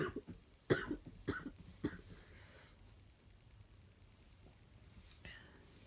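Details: Person with flu, run down after about three hours' sleep in 24, during a stifled sneezing fit: four short, muffled coughs in quick succession, then one faint cough after a pause.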